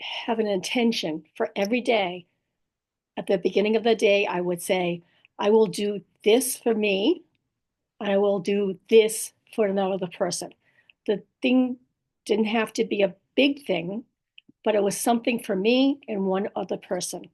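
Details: Woman with aphasia, apraxia of speech and dysarthria after a stroke, who says talking is still hard; aphasia with apraxia of speech and dysarthria.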